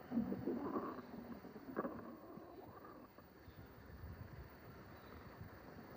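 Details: Stomach noises recorded without a microphone the morning after a stuffing session (large meal): soft, low gurgling and rumbling fading into background hiss; ordinary bowel sounds, borborygmi.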